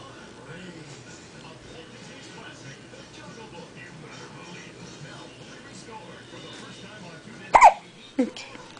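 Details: Baby with hiccups: two sharp, brief infant hiccups near the end, over quiet background murmur and faint music.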